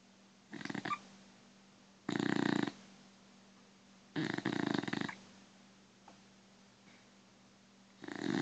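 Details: Snoring in a sleeping Beagle: loud, rough snores in regular bursts about every two seconds, with quiet pauses between.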